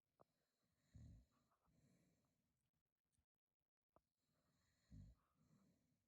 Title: Dad snoring last vidoe part 3 🙄